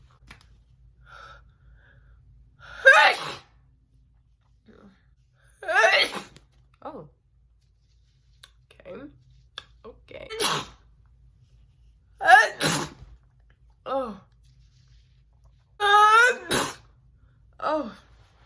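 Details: Adult woman's deliberately messy sneezing: several forceful sneezes with sharp inhaled gasps before them, in a quiet room.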